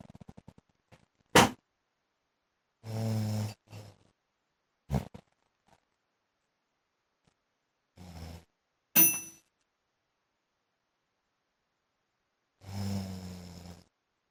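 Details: Adult man snoring during sleep, likened to a motorbike: loud, rough, low snoring bursts separated by silent pauses, with a few sharp snorts, harsh and rattling.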